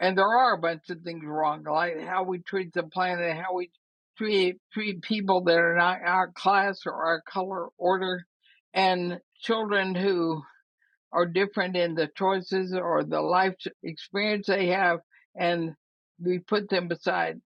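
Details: Woman about 80 years old with ALS (Lou Gehrig's disease), who says her speaking trouble is already considerable but she is still intelligible; dysarthria (ALS).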